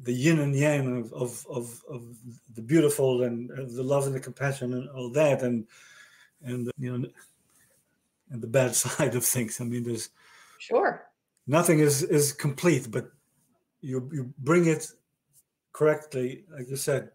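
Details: Male stroke survivor diagnosed with aphasia after a stroke about 30 years ago, in conversation with word-finding difficulty; aphasia.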